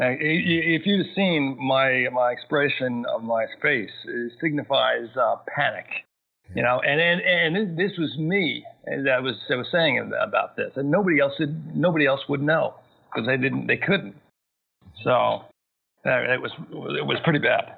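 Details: Adult male, massive stroke at age 41 causing global aphasia, 13 years post-onset, still needs extra time to process sentences and find words: aphasia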